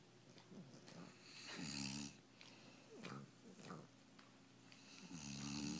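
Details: Dog and a man snoring together in a quiet room: loud rattling snores overlap, several breaths in a few seconds; snoring.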